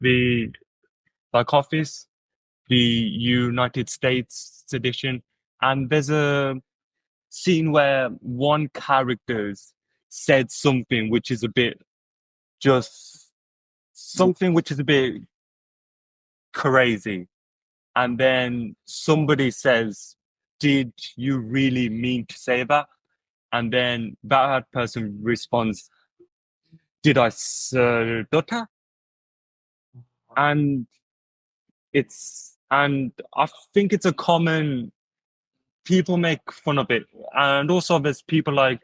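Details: Adult who stutters, heard speaking with stuttering.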